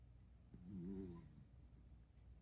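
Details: Dachshund snoring: a single soft, low rumbling snore on one breath, with quiet room sound around it.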